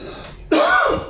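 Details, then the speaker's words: Single forceful, harsh throat-clearing burst after a quiet lead-in, an irritant reflex cough from eating very hot Carolina Reaper chili sauce. "But guys, this is once again like my previous video, the reaper cough."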